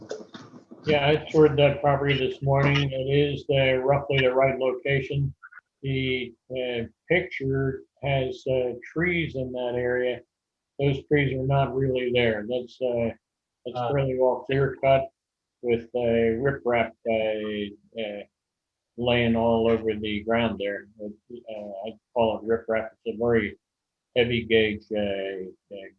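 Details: Adult male speaker; normal voice.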